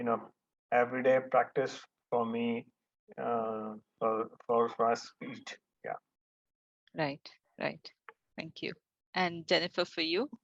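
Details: Adult male stroke survivor; after the stroke he could not talk and no one understood him, was almost mute about one and a half years, did daily speech practice with a therapist, and speech remains a setback; post-stroke aphasia.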